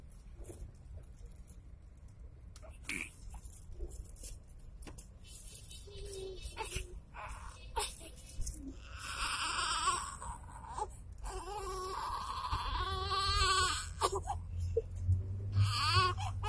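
Rising, wavering infant cries build over background room noise and voices: an ordinary baby's cry.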